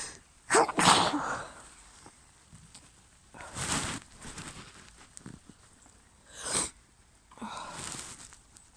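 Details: Female sneezing outdoors after being caught in the rain and getting wet: two sharp sneezes close together, then two or three more over the following seconds, with quiet breaths between.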